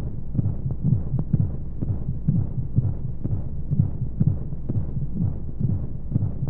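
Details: Womb sound played as a baby sleep aid: muffled regular low heartbeat thumps, about 125 a minute, over a steady whooshing white-noise hum; heartbeat.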